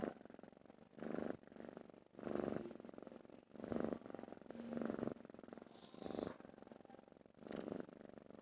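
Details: Domestic cat purring while its head is stroked: steady low rumbling purr swelling with each breath, about 48 cycles per minute; often read as contentment, though purring can also signal hunger, stress or illness.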